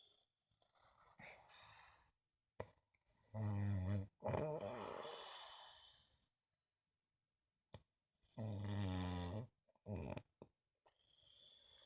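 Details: Slow, irregular rough snores with low fluttering noise on breathing in, separated by quiet pauses, during sleep; snoring.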